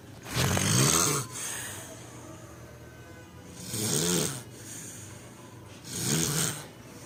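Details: Loud snoring: three loud, rattling inspiratory snores about every 2.7 seconds, roughly 22 breaths a minute, with quieter breathing between them.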